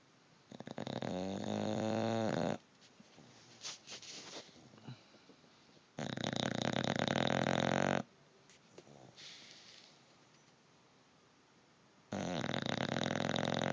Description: Bulldog snoring cutest dog ever looks like snookie